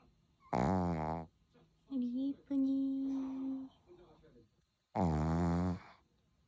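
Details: A sleeping dog snoring, with loud rattling in-breaths and a soft, whistling nasal out-breath.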